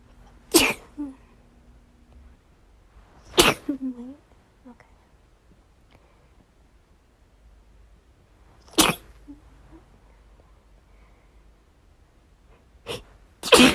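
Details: Morning sneezing fit: five sharp sneezes in a quiet room, spaced apart with a quick double at the end; sneezing.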